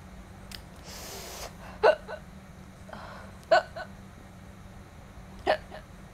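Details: Girl hiccupping while eating spicy food and saying her lips burn from chili: three sharp, brief hiccups about two seconds apart, with a breath and a steady low room hum.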